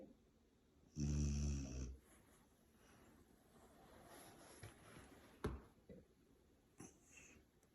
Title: Ronin the Silver Lab… Snoring.